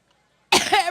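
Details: A woman, on stage at a Labor Day campaign rally in Cleveland while battling a stubborn cough, coughing uncontrollably: a single short, forceful cough breaks a brief silence, part of a persistent coughing bout.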